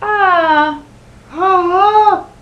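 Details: Normal pitch glide on 'ah', starting low, by an adult man during the voice check of a clinical bedside swallow evaluation, rated perfect by the clinician.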